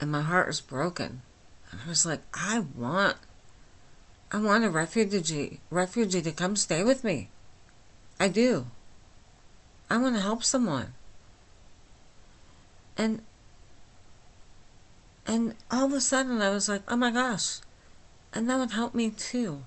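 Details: Flaccid dysarthria from myasthenia gravis in a 49-year-old woman with the disease since age 8, causing talking and swallowing problems; she speaks without her usual appliance, about two weeks after finishing Rituxan treatment.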